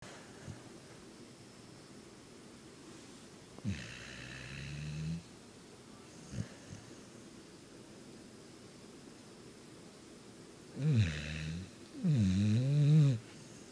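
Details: Low, rumbling snores from a sleeping pet, with a few brief snorts between them in a quiet room.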